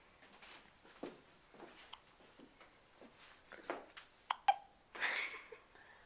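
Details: Infant girl, after her bath, with nightly hiccups: a rapid run of soft, abrupt gulping hiccups, roughly every half second, in a quiet room.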